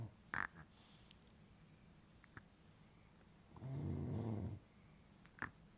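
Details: Snoring in a snore comparison: one long, low, rattling snore with a few brief clicks and snorts around it in a quiet room.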